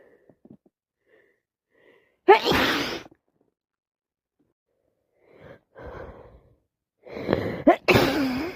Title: #achoo #commoncold #snotty #sneezes #cold